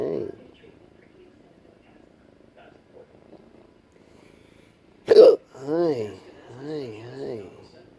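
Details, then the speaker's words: Patient with persistent intractable hiccups, breathing and choking spasms, and erratic stomach sphincter control, cause undiagnosed, hiccuping while trying to nap; a single abrupt hiccup burst after quiet, followed by soft drawn-out vocal sounds. "Try taking a nap when you're hiccuping."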